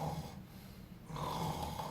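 Low, steady rattling snore with a brief softer dip, typical of simple snoring without airway narrowing.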